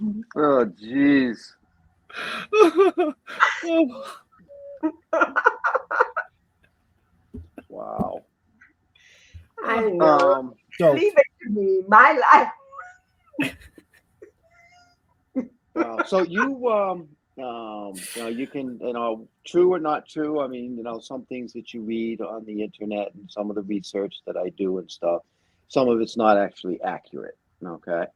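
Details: Adult woman with cerebral palsy who also has a 75% hearing loss and wears hearing aids; dysarthria (cerebral palsy).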